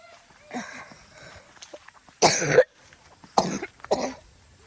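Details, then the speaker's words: Adult outdoors gathering fern vegetables, with a severe cough that won't go away despite taking many medicines: several harsh, forceful coughs in separate bursts, with faint outdoor background noise. "Grabe po guys ang ubo ko. Hindi na naalis. Grabe. Ubo ito."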